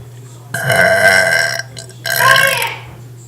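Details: Two loud, drawn-out voluntary burps from a child, each about a second long with a brief pause between; belching for fun.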